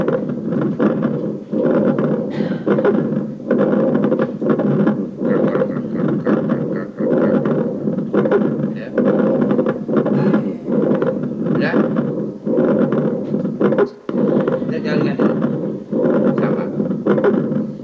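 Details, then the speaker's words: Simulated coarse crackles (coarse wet rales) on a lung sound simulator in a lung pathology skills lab; loud, rough, bubbling rattle through repeated breaths over the large airways. "Oke, ronggi basah. Ronggi basah ada dua, ronggi basah kasar dan ronggi basah halus."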